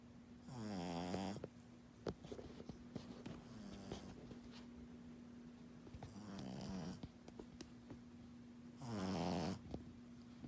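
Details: Female pug puppy asleep after a busy morning of play, snoring: three rattling, snorting snores each under a second, over a steady background hum.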